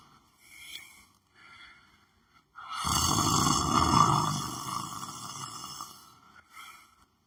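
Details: Person lying down on the floor of their room, sleeping: one long, loud, rough snore between quieter breaths, with a faint tonal hum in the background; snoring.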